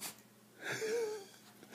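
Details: Mini golden doodle dog gives a brief, sharp nasal burst with a short squeaky tail, a sneeze performed on command in a quiet room.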